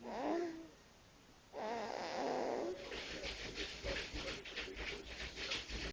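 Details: Sleeping cat gives two soft, wavering sighs, then settles into rough, uneven, snuffly snoring breaths.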